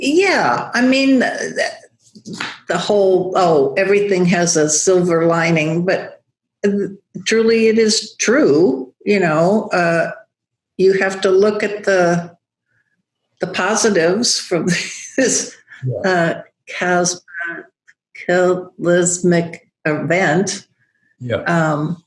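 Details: Woman, a yoga teacher, with non-fluent aphasia after a large stroke affecting Broca's area, rehabilitating through breath and OM; still has word-finding trouble and halting speech; aphasia with word-finding difficulty.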